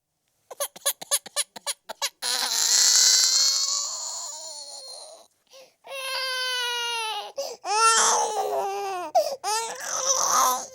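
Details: Baby boy crying, a sound-effect recording: quick gasping whimpers build into long, loud, high-pitched wails with sharp catches of breath; intense infant crying.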